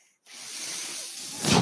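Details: Mechanical ventilator of a person speaking: after brief silence, a steady airy hiss builds and swells, the ventilator delivering a breath.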